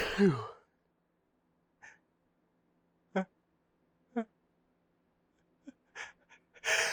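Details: Repeated huge sneezes with a hitchy buildup as the person tries to talk and hold them back, but fails.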